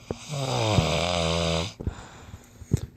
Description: While a bit mangled one morning I do a brief news cast with my sleeping friend, or shall I say snoring friend.